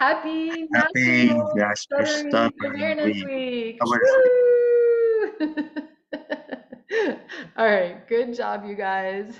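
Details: Adult speech therapist with a small group; no speech disorder.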